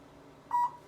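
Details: Low-level laser therapy unit starting treatment over the lumbar area for low back pain at a chiropractic clinic: single short clear electronic beep over quiet room noise.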